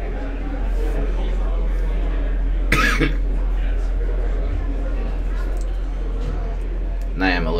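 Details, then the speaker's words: An adult who says they are sick gives a single short, sharp cough over steady low room hum: cough. "sick guys sorry about the coughing if you hear it trying to keep it at a minimum"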